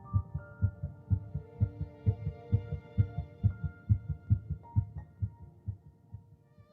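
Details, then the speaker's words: Embryonic heartbeat at three weeks and one day, 22 days after fertilization: fast, regular low thumping at about 130 beats a minute with a faint hum behind it. "at three weeks in one day just 22 days after fertilization olivia's heartbeat can be detected"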